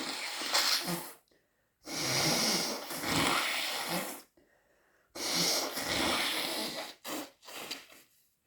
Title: Cold sneezing, blowing and coughing